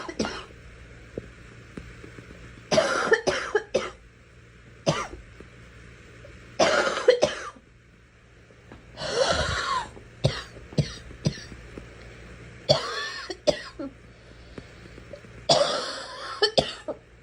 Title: Girl coughing 210